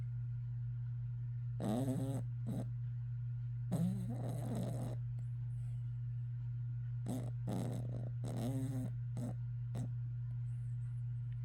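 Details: Dog with a heart murmur, on Vetmedin, with breathing difficulty: irregular snorting, snoring breaths over a steady low hum: snoring with laboured breathing.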